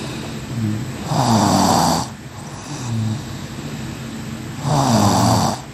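Loud rattling breaths in a regular cycle, about one every three to four seconds, typical snoring.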